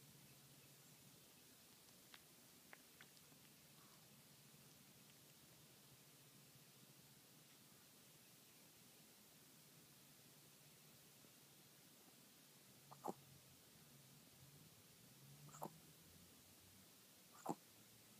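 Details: A 5-year-old dog hiccuping at 6 AM while trying to sleep: three faint, sharp clicks a few seconds apart in a quiet room; hiccups.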